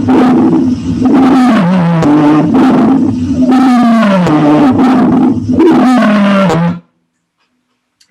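Loud, continuous musical whistling tones of shifting pitch run through repeated breaths, then stop: wheezing.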